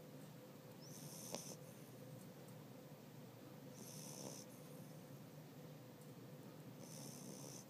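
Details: Soft, low rattling breaths roughly every three seconds with a faint whistle on inhaling; quiet snoring.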